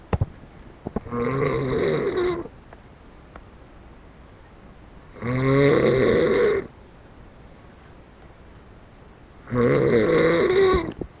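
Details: Snoring from a person (Brandon) recorded on a webcam; snoring.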